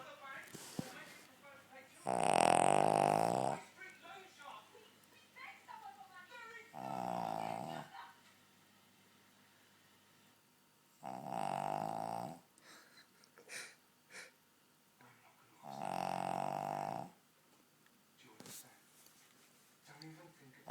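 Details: Sleeping spaniel: four loud, buzzing snores about every five seconds, roughly 12 breaths a minute, with quieter snuffling between them; snoring.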